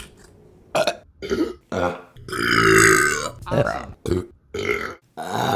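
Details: Repeated loud, voiced belches, one long and drawn out, separated by brief silences, from a burping compilation; burping.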